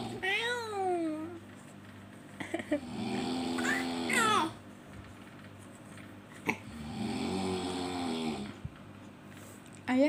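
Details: Baby babbling and squealing mixed with snoring breaths from a sleeping adult, the father, in a small room; snoring.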